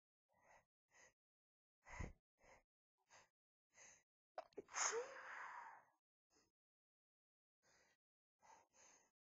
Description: lots of sneezes into soft white tissues, some talking and announcing of my sneezes